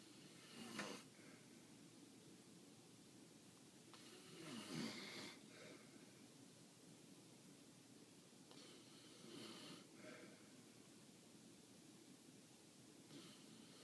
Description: Not even a puppy can sleep with that snoring Look how she wakes up every time he snores.